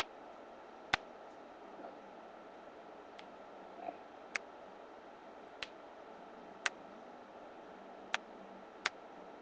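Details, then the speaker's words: A person deliberately cracks their finger, thumb and wrist joints: sharp, brief pops at irregular spacing in a quiet room. "Oh, wrists don't want to crack. Sorry. I don't know if you heard that one, but I felt it."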